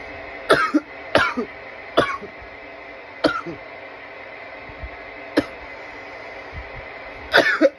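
Six harsh, clustered cough bursts with short wet throat-clearing tails over about eight seconds, an irritant cough after smoking.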